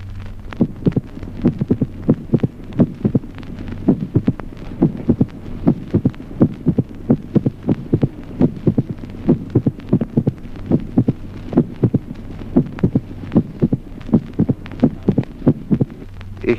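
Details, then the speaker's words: Irregular slow heartbeat in atrial fibrillation with a crisp mitral opening snap at a long interval after the second heart sound, teaching auscultation example. "Ejemplo 16º. Chasquido de apertura mitral de gran intervalo en la fibrilación"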